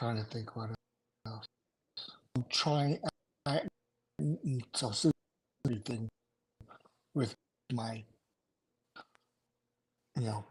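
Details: Adult male survivor of two strokes in November 2017, including a hemorrhagic stroke; right-sided weakness, unusable numb right hand, short-term memory problems, 10 seizures since stroke; finding: aphasia.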